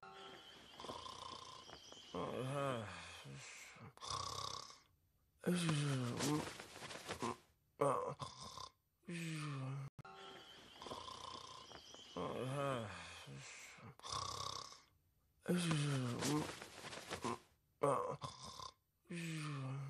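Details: Rough, low snoring with rising and falling tone from a sleeping cat during a birthday party; background sound drops in and out.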